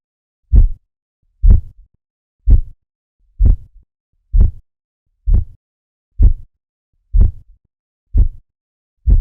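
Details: Manual blood pressure reading: regular low tapping over the brachial artery during cuff deflation, about 64 a minute, giving 102/60 mm Hg; Korotkoff sounds.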